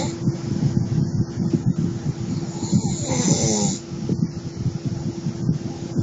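Constant low rough fluttering with a steady hum underneath and one louder breath; snoring, blurred by a constant hum in the room.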